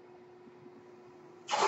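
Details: The speaker's own mechanical ventilator in a quiet room: a faint steady mechanical hum, then a sudden loud rush of air at the end as a breath is delivered. Mechanical ventilator.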